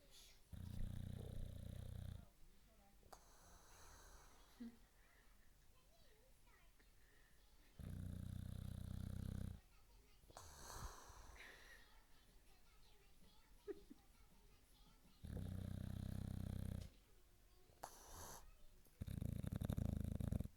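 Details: Boxer dog sleeping deeply on the couch, snoring: loud, low rumbling snores on each breath in, about 8 a minute, with quieter breathing between.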